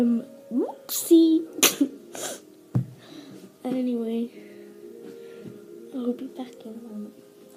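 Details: Laughing breaks into about three sharp, harsh cough bursts, then fades into humming and soft voicing over quiet background music; a laugh-triggered cough.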